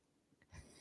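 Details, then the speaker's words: Dog snoring during sleep, heard over music and laughter. "[Music] [Laughter] that was so epic oh dog snore"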